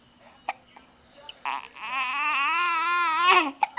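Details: An infant boy with gas and hiccups: several sharp, brief hiccup bursts interrupted by a drawn-out fussy vocal cry; infant hiccups.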